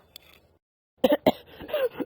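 Two abrupt, harsh cough bursts in quick succession, then a brief voiced exhalation as the cough settles; an adult cough.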